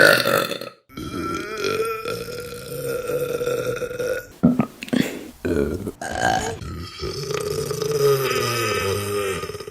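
A run of long, loud, drawn-out belches with brief pauses between them, deep and resonant throughout.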